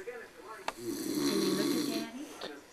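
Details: Baby snoring while asleep: a single drawn-out, rough, buzzing breath sound lasting just over a second, with a faint click before it, in a quiet room.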